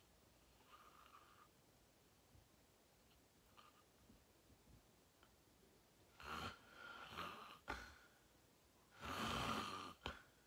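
Faint breathing, then several irregular snorting snores of varied length. Uneven snoring.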